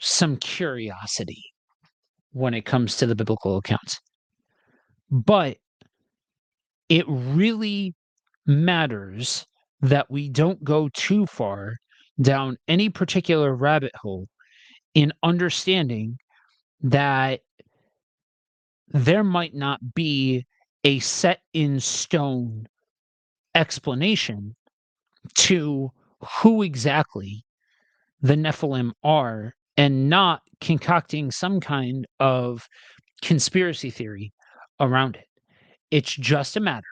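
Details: Adult male reader who says he has a speech impediment and will stumble and stutter while reading aloud; stuttering.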